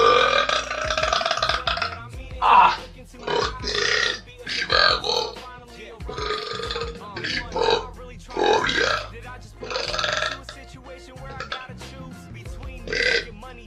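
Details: Young men from Spain, Liberia, Italy and Mexico burping on purpose: several long, loud, voiced belches one after another, with music and clapping behind; deliberate burping.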